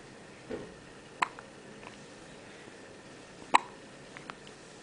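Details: Newborn baby girl with hiccups right after birth, held by her mother: two sharp, brief hiccups about two seconds apart with faint softer clicks between, in a quiet room.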